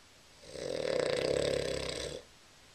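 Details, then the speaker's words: A single long, loud, rasping snore lasting almost two seconds on a breath in, from a sleeping adult; recorded January 2013 on a Flip Video camera. "roll over you're snoring"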